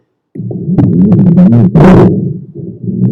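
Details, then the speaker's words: Chest auscultation teaching recording: low-pitched continuous snoring rattle on both inspiration and expiration; rhonchi. "ทีนี้มาดูลองคายซาวกันบ้างนะฮะโอเคอีกครั้งหนึ่งเนาะลองคายซาวจะได้ยินทั้งการหายใจเข้าและการหายใจออกนะฮ"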